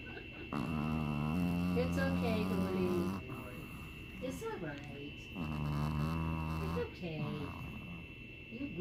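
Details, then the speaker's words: Long, low rumbling snores with a growl-like rasp, two breaths in about nine seconds, over a steady hum, from a sleeping pet, likely a dog, thought to be dreaming; snoring. "He's sleeping. He's sleeping. Oh my gosh. He sounds like he's growling almost. He's dreaming."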